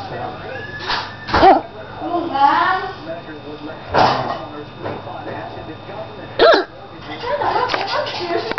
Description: me hiccuping.